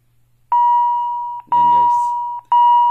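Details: Philips Efficia DFM100 defibrillator showing a therapy-disabled error with a "run operational check" prompt, a battery fault though charge shows on the monitor: three long steady tones, one per second, with a brief background voice; defibrillator error alert.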